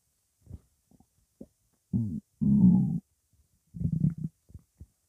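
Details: Bursts of loud, low gurgling and rumbling from the belly separated by quiet gaps, non-stop bowel sounds (borborygmi), with music in the background.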